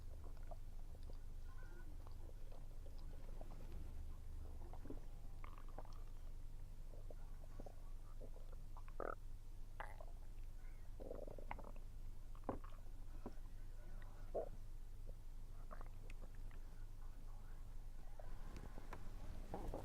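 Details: Stomach rumbling while eating, attributed by the recorder to low atmospheric pressure: low, steady gurgling and rumbling bowel sounds with scattered faint chewing clicks.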